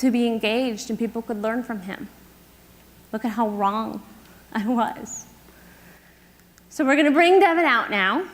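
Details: Adult woman speaking on stage; typical speech.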